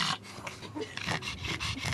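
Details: Pug with serious breathing issues: harsh, snorting, noisy breaths from a flat-faced dog; brachycephalic obstructed noisy breathing.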